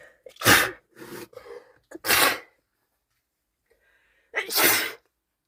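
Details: Girlfriend with a cold sneezing: three explosive sneezes with short inhaled catches between them.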